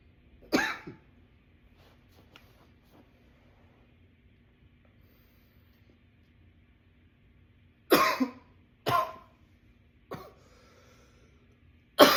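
Five harsh coughs, one early and a cluster near the end, with quiet between them: a bout of repeated coughing.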